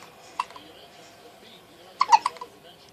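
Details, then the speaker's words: Two-week-old twin boys, who hiccup often, said to be about every 10 minutes: a few short, sharp catching sounds, one near the start and a quick cluster later, in a quiet room; newborn hiccups. "Both of these poor boys got the hiccups."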